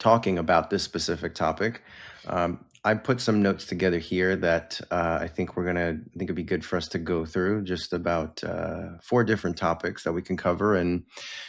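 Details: Adult man speaking; normal speech.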